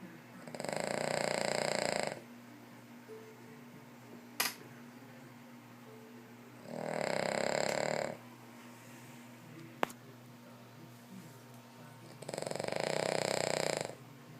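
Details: Sleeping King Charles spaniel snoring, three loud long rattling snores about five seconds apart, roughly twelve breaths a minute; snoring.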